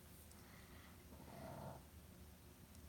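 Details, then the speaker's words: Faint, low rumbling snore from a sleeping small female chihuahua–pug mix dog with big jowls, lying in an odd position; one noisy breath swells midway over steady room hum. Finding: snoring. "You hear that? Dog snoring. She's funny. She's a chug. She's a chihuahua and a pug, so she has this chug. She big old fat chug jowls. She snores."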